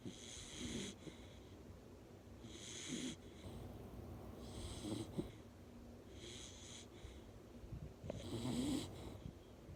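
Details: Mini/English bull terrier snoring while relaxing: soft, airy snores with a faint whistle, about 30 a minute, at a steady, relaxed pace.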